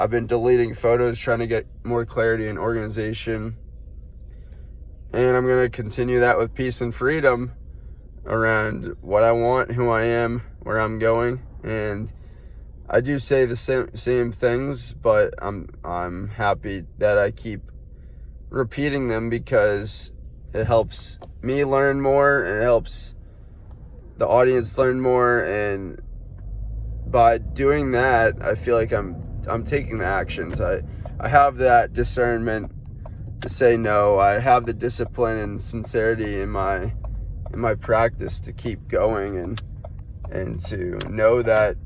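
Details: Stuttering with word repetitions in an adult man, undiagnosed; he links it to feeling unwell, with burning in his head and foot pain, and suspects cerebrospinal inflammation.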